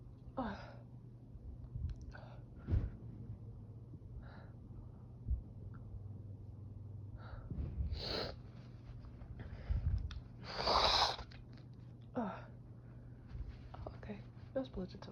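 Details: Adult's small sneezing fit: several short sneezes and sniffs with gasping breaths, with itchy, tickly, runny nose and watery eyes; a cat meows in the background.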